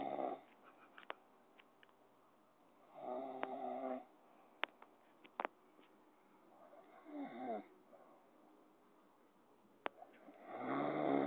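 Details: An old man snoring heavily, who then gives a startle: snoring.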